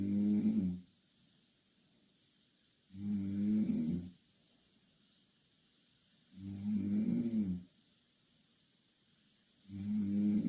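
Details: Two Korean girls sleeping in the same bed; loud rattling snores about every three seconds, four in ten seconds, with quiet exhalations between; heavy snoring during sleep.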